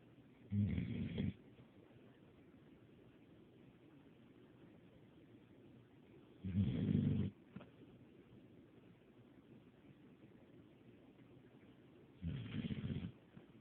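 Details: Buddy the dog in deep sleep, snoring quietly: three low rattling snores about six seconds apart, roughly ten breaths a minute, over steady room hiss.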